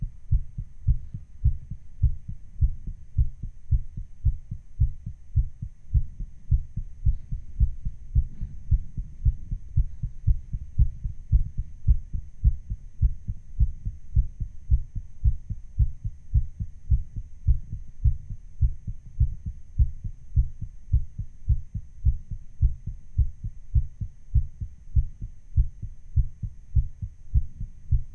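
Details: Own heart sound recording, sped up a little to sound racing: fast, steady, low heart thumps at about 107 beats a minute, a rapid heartbeat.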